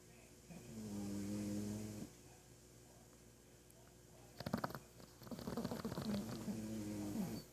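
Droning, buzzy snores on breathing in, with a snorting rattle between, in a quiet room.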